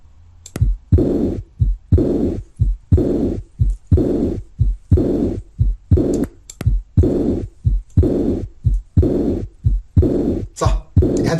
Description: 3. Diastolic murmur 01:58